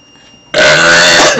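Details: A kid burping close into the camera: one loud, sustained, rumbling burp lasting nearly a second, starting abruptly.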